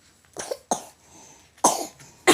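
A child gives a short run of dry, harsh coughs.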